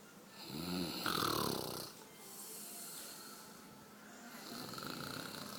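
A rough, vibrating snore on the in-breath, followed by a softer breathy out-breath and the start of the next snore. Ordinary snoring.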